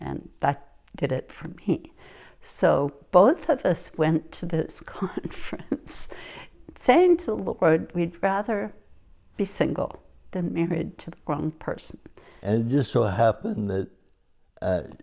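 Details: Adult woman speaking; typical speech.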